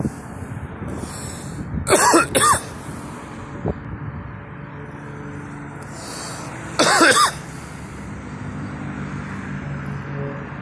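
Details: Adult's own cough recorded: three loud coughs, two close together, then one more a few seconds later.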